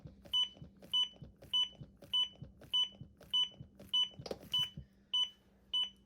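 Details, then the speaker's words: ZOLL AED Pro CPR metronome during an in-service training demo: regular high beeps pacing chest compressions with thuds between them, about 105 compressions per minute, one compression per beep; CPR metronome beeps. "And then you'll also hear a metronome that comes on. If you can stay on beat with the metronome, you'll average 105 compressions per minute. So every time you hear a beep, you should do a compression."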